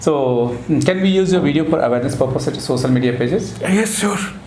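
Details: Adult man speaking, with a brief reply from a second speaker; normal voice.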